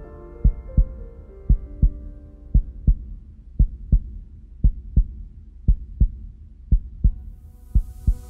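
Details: Heartbeat sound: steady, regular paired thumps at about 58 per minute over fading epic orchestral music.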